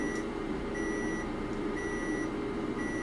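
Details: Steady beeps about once a second over constant machine hum from a class IV companion therapy laser held slightly off the skin over a bony dog's hip joint, third treatment.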